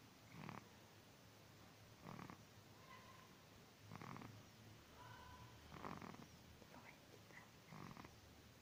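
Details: Soft, rough snoring sounds repeating roughly every one and a half to two seconds, about 33 a minute, over quiet room noise; snoring.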